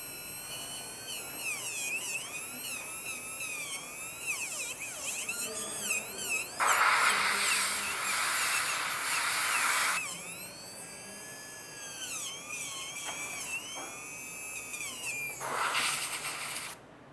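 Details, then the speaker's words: Dental drill whine rising and falling with water spray hiss and faint music, reducing the incisal edge of an incisor preparation angled 45° to palatal, over a glass-fibre post and resin core, recorded during a teaching class. "Reduzir mais um pouquinho cisal, sempre angulando com 45º, ó, pra palatina."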